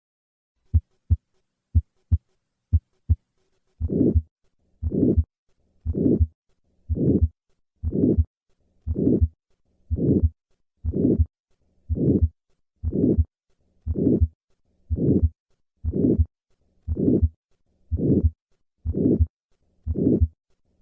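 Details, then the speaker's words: Aortic stenosis murmur: systolic murmur from the left ventricle–aorta gradient; later peaking and longer duration indicate more severe stenosis, intensity correlating with obstruction severity; educational auscultation recording. "the intensity of the murmur of aortic stenosis correlates with the severity of obstruction across the aortic valve as long as the cardiac output is maintained"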